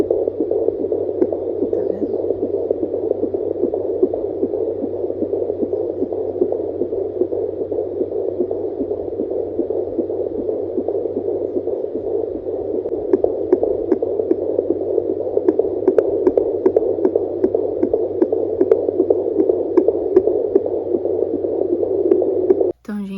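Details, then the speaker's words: Fetal heart tones on a home Doppler at 19 weeks 3 days' pregnancy: a rapid, regular galloping pulse, about 150 per minute, through Doppler hiss, described as very fast. "gente aí agora nesse último nesse vídeo eu achei o coração do bebê muito rápido porque porque gravando esse vídeo estamos com 19 semanas e três dias"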